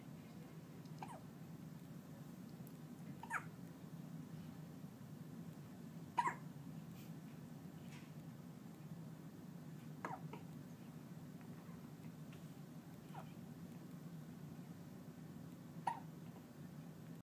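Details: A person with hiccups: about six brief, sharp hic sounds a few seconds apart over a steady low background hum.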